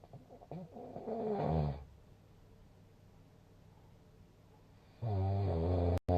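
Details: Two loud, low, rumbling snores on breathing in, about three seconds apart; snoring with a snore score of 166.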